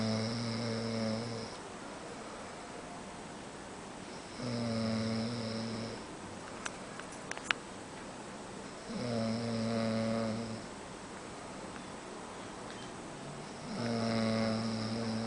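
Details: Sleeping adult man: four steady, humming snores at about 13 breaths a minute, with faint clicks in the background; heavy snoring.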